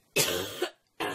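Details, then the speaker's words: Adult woman who says she is sick gives two harsh, noisy cough bursts, the second cut off at the end; a plain cough. "désolée pour ma toux. Il va falloir faire avec aujourd'hui, c'est comme ça. Donc de une, je suis désolée, je suis malade."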